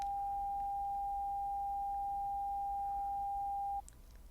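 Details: A steady, clear 800 Hz pure tone holds for almost four seconds, then stops, during a stepped-frequency hearing test; a pure-tone hearing test tone in a simulated, soft-spoken roleplay exam.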